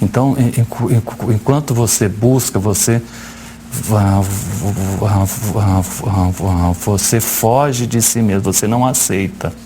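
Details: Adult man who stutters, speaking in Portuguese about accepting his stuttering in a live TV interview; stuttering.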